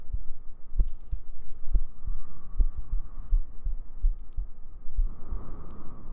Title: ASMR Sleep Aid | Your GF Cuddles You To Sleep ♡ [Heartbeats] [Gentle Breathing] [Humming]